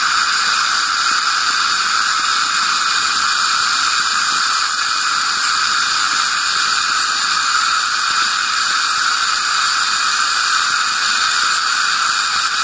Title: [ASMR] Dental Scaling #satisfying #calculus #tartar